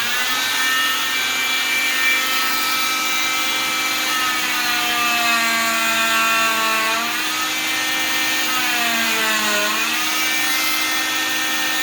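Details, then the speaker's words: Oscillating cast saw univalving a cast on a patient's arm, one split across the top as ordered by the doctor, steady high-pitched whine dropping in pitch as it bites into the fiberglass; cast saw cutting a cast. "okay so we're going to go ahead and do a unit valve the doctors ordered just one split across the top we'll go ahead and do that real quick"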